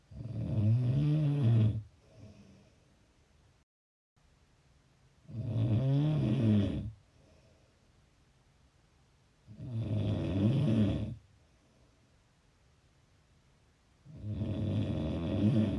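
Loud, low rattling snores on each breath in, about 13 a minute, with quiet breaths out between.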